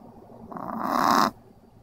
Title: Pixel the snoring dog